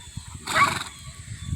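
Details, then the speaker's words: A single short, breathy cough from a goat outdoors, heard over low rumble and wind. "A little bit of a cough there,"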